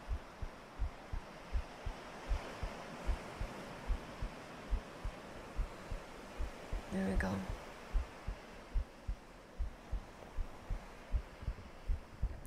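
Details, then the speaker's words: Steady soft low thumps of an adult heartbeat at about 78 a minute, recorded through a shirt from a person who says they are sick, under faint hiss. "um so when you're sick I imagine your heartbeat goes a little faster cuz your body's working a little overtime"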